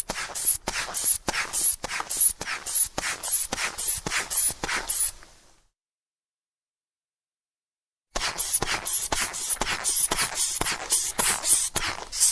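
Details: Manual sphygmomanometer blood pressure measurement: rapid squeezing puffs of a hand bulb pumping air into the cuff, a pause, then more hissing pumps; sound effect recording.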